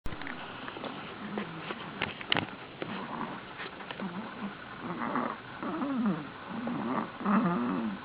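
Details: Snoring from a sleeping pet: soft, low, rumbling snores with faint clicks and room noise.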